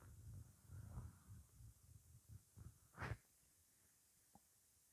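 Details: Soft, low gurgling rumbles rising to a louder growl, then quiet: ordinary stomach growling from morning hunger.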